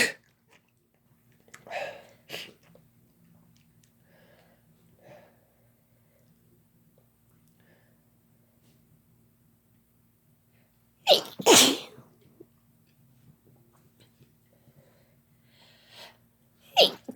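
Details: Two people sneezing together after using chhinkni sneezing powder: quiet breathing and small sounds, then a loud sneeze and a second sneeze at the end; induced sneezing.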